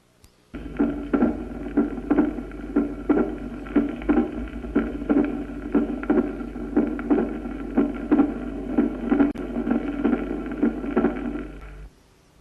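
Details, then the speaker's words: Scratchy, creaking sounds with each heartbeat at about 60 a minute, both systolic and diastolic, like new leather, heard especially near the pulmonary area; pericardial friction rub from altered pericardial layers sliding together. "se producen al deslizarse una contra otra las dos hojas deslustrada alteradas del pericardio son sistólicos y diastólicos"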